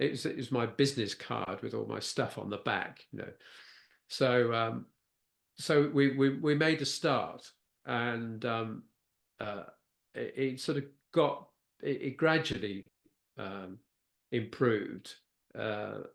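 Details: Non-fluent post-stroke aphasia with word-finding difficulty in a man who had a stroke at age 69, a brain bleed affecting Broca's area.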